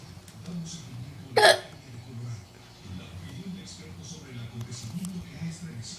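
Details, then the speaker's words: Person with hiccups: a single sharp, abrupt vocal hiccup against quiet room noise. "This is me with the hiccups."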